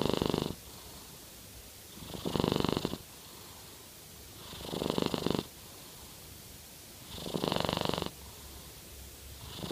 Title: Norwegian Forest Cat - Jade Purr Snoring